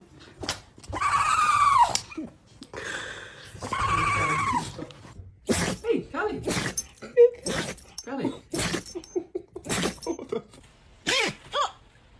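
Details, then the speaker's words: Dog sneezing: several short, sharp nasal bursts in a row, with people laughing and talking around it. "Oh my goodness, what a big sneeze. Poor little buddy."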